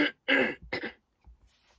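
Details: Adult woman whose illness has taken a worse turn: a few short harsh bursts of coughing and throat clearing, then quieter throaty sounds; cough with a cold.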